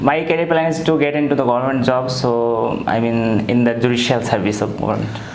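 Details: Improved voice after therapy for phonatory gap in a 27-year-old man, recorded after 5 days of voice therapy; he previously had a childish, breathy, effortful voice with voice breaks and difficulty with longer sentences.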